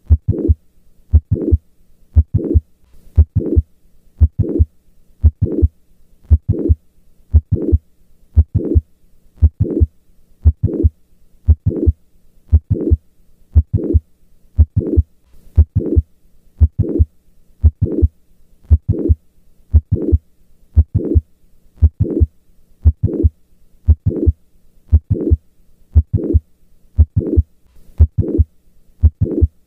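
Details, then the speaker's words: Mitral valve prolapse sounds heard at the apex: regular heartbeat around 58 per minute. "mitral valve prolapse, apex."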